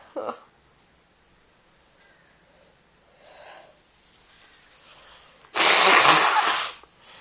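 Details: Adult with an oncoming head cold, sneezing in bed: quiet sniffing and breaths building to one loud, forceful sneeze.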